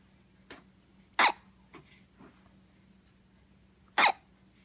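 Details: Hiccups keeping someone from sleeping: two strong, abrupt hiccups about three seconds apart with faint softer ones between, quiet room; hiccups.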